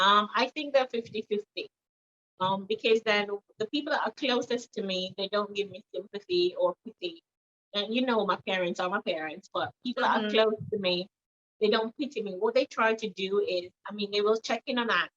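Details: Jamaican woman who woke from a car accident with a new accent, first American, then Trinidadian, now British; neurologist attributes it to head trauma causing stroke and swelling between motor and language areas; foreign accent syndrome.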